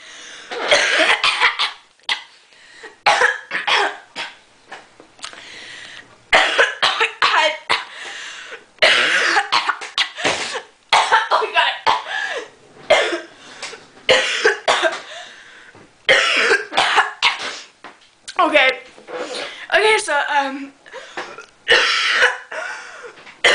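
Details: Coughing fit after a throat-clearing demonstration that left the throat itchy: repeated bursts of harsh, dry-sounding coughs in clusters with brief gasps between them.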